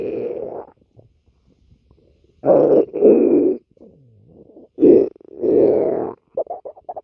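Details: Irregular bursts of low gurgling and rumbling with a brief sliding squeak between them: stomach growling (borborygmi).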